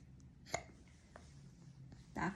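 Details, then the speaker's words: Infant hiccups while the mother talks to the baby: sharp, sudden catches of breath with fainter repeats and a brief voice. "你在打嗝，你自己听，你自己听，你要打哥哥的声音。"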